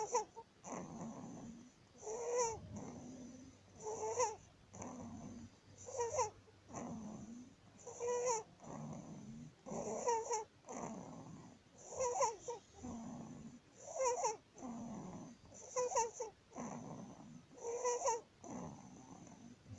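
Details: 19-day-old baby with laryngomalacia (floppy voice box): high-pitched, squeaky inspiratory stridor on each breath in.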